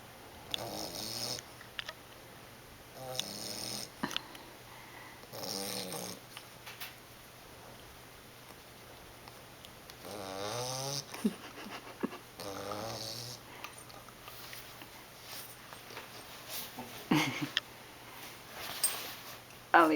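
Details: 11-week-old English Bulldog puppy snoring: loud, rattling snores with snorting breaths at about 23 a minute, somewhat irregular; snoring.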